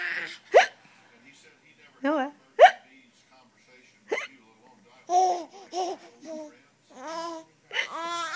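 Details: Adult having hiccups while a 3-month-old baby laughs: three or four sharp, abrupt hiccup sounds at irregular intervals, each followed by bursts of baby laughter.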